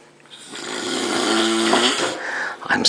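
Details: Sleeping friend snoring very loudly, jokingly billed as the world's loudest snorer: a single loud, rough, drawn-out breath with a rattling, buzzing tone.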